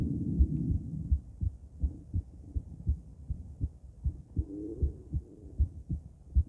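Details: Female heart auscultated with different stethoscopes at Erb's point, then mitral, tricuspid, aortic and pulmonic sites: steady low lub-dub beats at about 79 per minute, no added noises; normal heart sounds.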